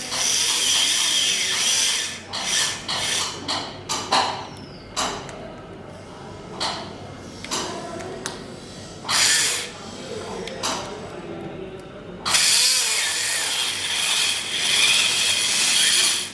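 High-pitched whine of a surgical drill in repeated bursts, cutting through dense model bone while preparing a pterygoid implant site.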